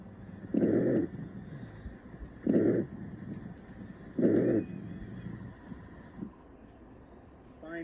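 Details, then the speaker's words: Three low-pitched, snoring, musical bursts with breathing, mostly on expiration, on lung auscultation: rhonchi (low-pitched wheezes). "low pitched wheezes are musical snoring sounds mostly on expiration"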